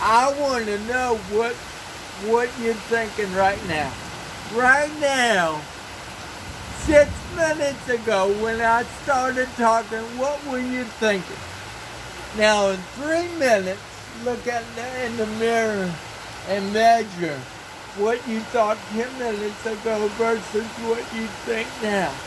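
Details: Dysarthria in an adult man who has lived 49 years with cerebral palsy and reports a speech impairment.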